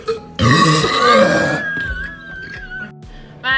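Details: Sprite challenge among five people: a long, loud, throaty burp after drinking Sprite, with background music and brief talk; belching of swallowed air and gas.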